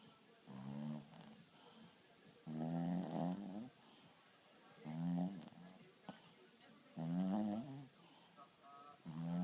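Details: Rhythmic low, rattling snores with quiet pauses between, about 28 per minute; snoring.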